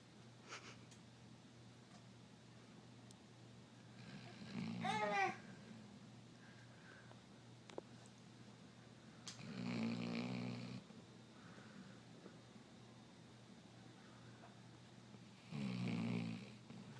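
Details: 3-year-old Basset Hound snoring: three rough snoring breaths spaced several seconds apart, one ending in a whistling squeak, over steady room hum.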